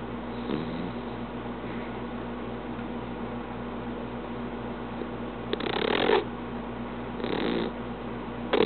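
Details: English cream dachshund napping: quiet, steady breathing over a low room hum, then loud, rough, rattling snore breaths near the end: snoring.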